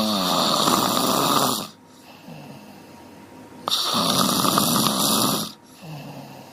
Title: The dog is snoring, คารีน่าหมานอนกรน🤫🤫